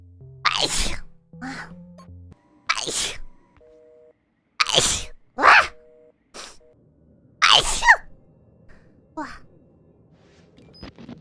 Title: Sneezing for 2 Minutes and 40 Seconds